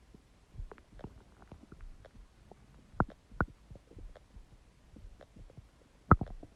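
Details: Empty stomach growling: irregular soft gurgles and a few louder squelching pops from the belly; ordinary borborygmi.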